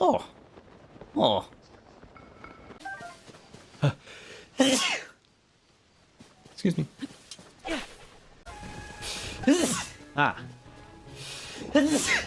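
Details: Compilation of sneezes from several different VTuber livestreamers: a series of separate ordinary sneezes from different voices, several followed by brief "excuse me" speech.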